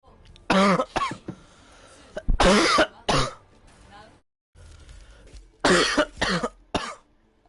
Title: barking cough